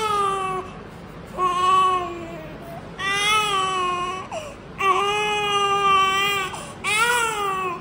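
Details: Big 5 kg newborn baby: five loud, sustained, tonal cry bursts with short breaths between them; a strong, vigorous newborn cry.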